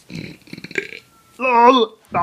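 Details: Compilation clip: short noisy bursts, then one long loud voiced belch and the start of another: burping.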